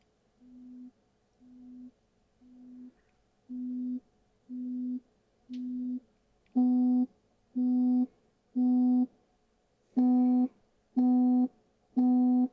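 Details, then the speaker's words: Simulated pure-tone audiometry in an ASMR role-play hearing test: steady pure beeps, about one a second, stepping louder from −5 to 70 dB, played in both ears through headphones. "I'm going to play some frequencies for you. You're going to hear them in both ears at the same time and each frequency will be getting higher and higher."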